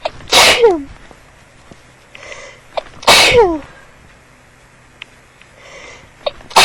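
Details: Two loud, explosive sneezes about three seconds apart, each with a sharp intake before it, coming on suddenly and interrupting speech; a sneezing fit.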